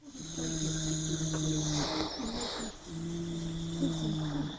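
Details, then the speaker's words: Pet dog snoring softly while asleep: two long, steady, low droning breaths separated by a brief pause. "it's a strange it's a I think you need to take your dog to the vet to be honest with you"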